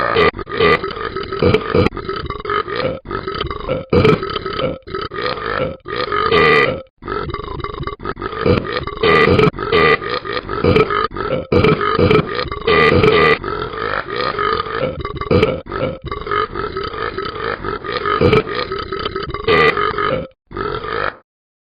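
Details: Continuous loud, rumbling burps with brief gaps, played from the animated Talking Ben the Dog game app character (simulated, not real); burping.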